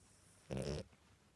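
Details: Dog asleep: a single short, low, snorting breath sound; snoring.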